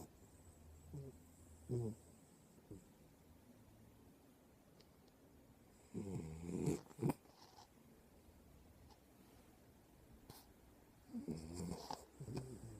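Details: Dog snoring while asleep: low rattling snores in irregular bursts between quiet stretches.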